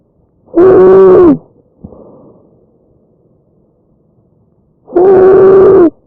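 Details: Tracheal stridor in breath sounds recorded from a real patient.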